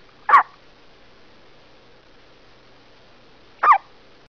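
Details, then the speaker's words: Two brief, sharp squeaky hiccups about three seconds apart in a quiet room from a one-day-old newborn; hiccups. "Poor baby got the hiccups. Oh, that was a big one."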